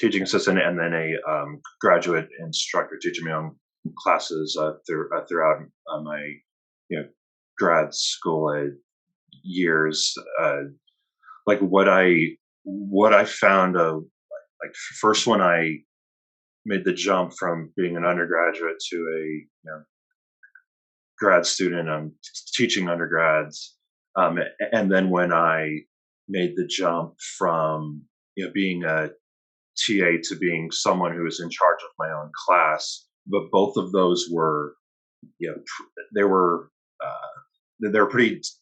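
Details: Adult male academic who stutters, whose stutter relapsed when he began teaching as a graduate instructor; stuttering.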